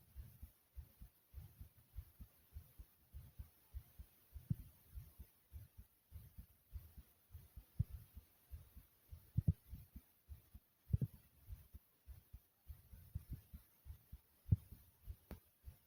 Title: My Rapid Heartbeat Sound ❤